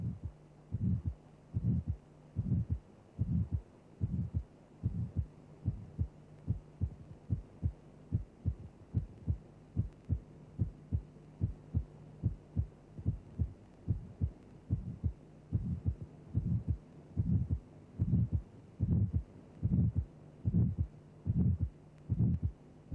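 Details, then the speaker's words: Simulated aortic stenosis ejection systolic murmur, regular heartbeat near 73 a minute: crescendo-decrescendo, triangular-envelope murmur synchronous with the pulse, softened then restored to expose the second heart sound. "the murmur has a triangular sound envelope increasing to a peak intensity then decreasing rapidly"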